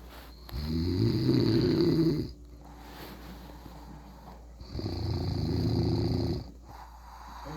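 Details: Loud, rattling snores on each breath in with quiet breaths out, about two snoring breaths, recorded at 2:38 am on a Saturday; snoring like a bear.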